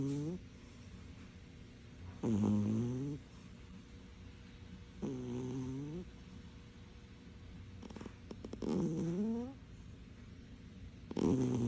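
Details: Loud, rough, buzzy breathing noises recurring about every three seconds over quiet room noise, with faint music; loud snoring of a sleeping cat.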